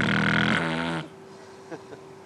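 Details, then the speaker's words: Snoring from a person whose throat is viewed by fiber-optic scope, presented as the first sign of obstructive sleep apnea: one loud, harsh, vibrating snore with a low rumble, trailing into quiet room hum. "I mean, somebody's got to be sleeping with this noise every night. Yeah. Right. Well said. It's I like to say that the timber, the frequency, the tone is almost like a fingerprint."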